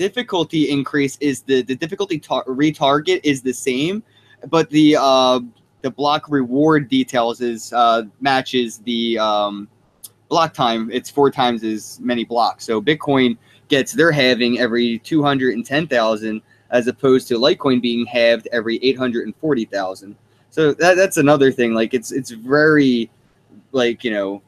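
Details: Male podcast guest's self-reported speech impediment, type not named. Finding: speech impediment.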